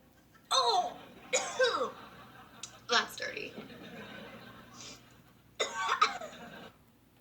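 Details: Acted coughing by an adult woman: several short, harsh, voiced cough bursts in small clusters with quiet room noise between.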